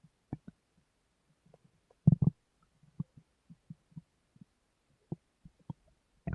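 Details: Adult woman's stomach grumbling (borborygmi) recorded while she sleeps; she says her stomach grumbles too much.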